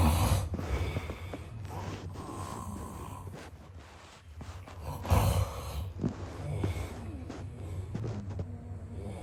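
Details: Snoring sound-effect recording of a sleeping man: irregular, noisy snorting breaths with rough rattles, gulps and some loud bursts; heavy, uneven snoring.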